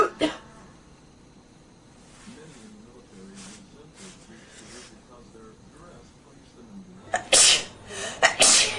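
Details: Several sharp, explosive sneezes in close succession after quiet breathy sounds, from a person who is very sick with a cold and struggling to clear phlegm.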